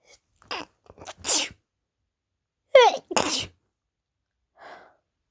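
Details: Woman's typical morning sneezing fit on a bad allergy day: two sneezes, each a sharp in-breath then an explosive burst, followed by a faint sniff.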